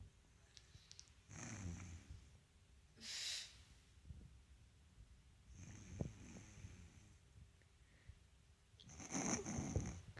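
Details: Sleeping dog snoring: irregular snorting, rattly breaths with quiet gaps between.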